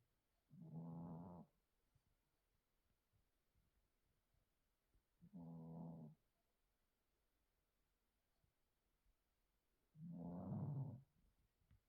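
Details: 8-year-old female Chihuahua, recently spayed, overweight after false pregnancy, sleeping after major trauma: three soft, low, fluttering snores about five seconds apart, roughly 13 a minute, in a quiet room; gentle snoring.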